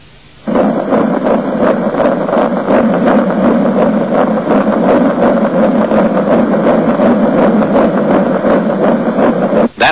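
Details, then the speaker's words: Fetal heartbeat at 8 weeks of gestation: rapid, whooshing beats at about 165 a minute, a normal early pregnancy rate. "your heartbeat at 8 weeks"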